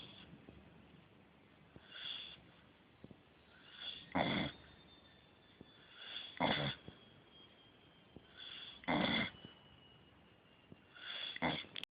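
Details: Rough, snorting snores roughly every two to three seconds with faint hiss and room noise from a sleeping beagle that keeps snoring and won't wake when called; dog snoring.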